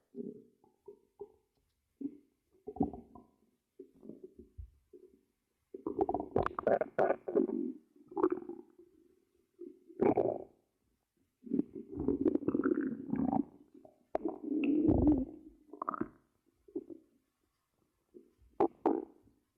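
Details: Close-up ASMR recording of stomach growling: irregular gurgling and rumbling bursts with gaps between, from gas and fluid moving through the gut; normal bowel sounds (borborygmi).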